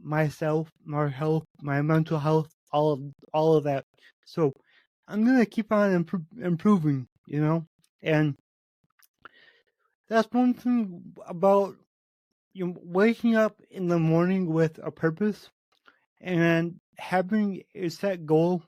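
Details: Adult man with cerebral palsy affecting every muscle of his body; he says his speech is much better than 8 months earlier and improves as his health improves; dysarthria (cerebral palsy).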